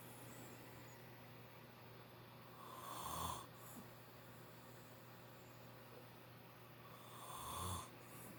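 Two rough snoring breaths about four and a half seconds apart, over a steady low room hum; ordinary sleep snoring.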